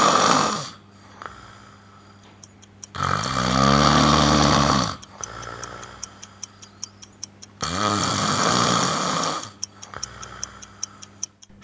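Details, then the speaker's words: Loud, harsh snores recurring every four to five seconds over a steady background ticking, from a person who has snored for 20 years. Their sleep study showed nearly one-minute breathing pauses and no deep sleep, raising concern for sleep apnea. "正常的打呼噜可能就是一个均匀的调子，它就是随着呼吸当中出现的这个声音嘛，不会有太大的变化。"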